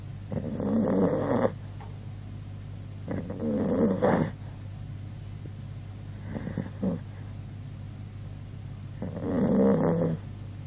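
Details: 16-year-old elderly dog asleep, snoring as loud as a person: loud, rough snores on each in-breath about every three seconds, with quiet pauses between.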